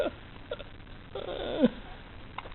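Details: Baby with hiccups in a quiet room: a few short voiced catches and one sharper hic with a small squeak.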